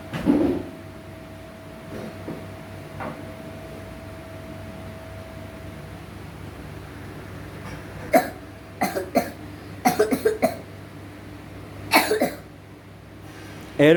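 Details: Boy about 12 years old with a 10-year history of allergic cough: repeated short, dry cough bursts in clusters, about eight coughs.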